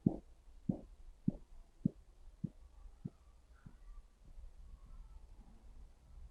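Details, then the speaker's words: Manual blood pressure check on the arm with a sphygmomanometer and stethoscope, cuff inflated to 180 and then deflated. Soft, regular pulse taps at about 100 a minute fade out after several beats: Korotkoff sounds marking systolic, then diastolic pressure. "उसके बाद जब सुई नीचे को आती जाती है आती जाती तो आपने देखा था कि एक लेवल ऐसा आया था जहां पर आपको जो है धड़कन की आवाज सुनाई देनी शुरू हो गई थी"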